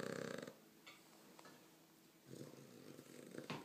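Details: Dog snoring very loudly for no known reason: fluttering, rattling snores with soft breathing between them during sleep.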